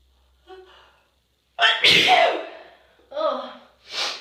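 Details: Breathy catching inhalations and false starts from an itchy nose build to a forceful sneeze, then another hitching breath and a second sneeze; ordinary sneezing.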